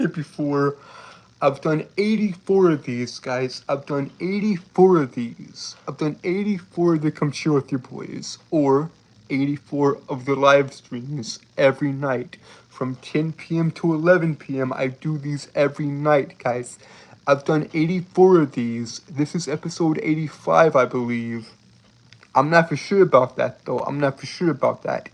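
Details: Stuttering in a male streamer with a self-reported speech impediment that makes him stutter and trip over his words; this stretch has repeated phrases.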